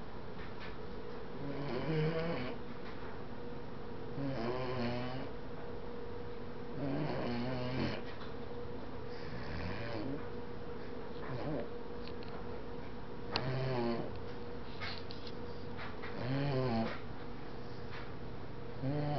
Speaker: She's sleeping on my couch and snoring. Let's go take a look.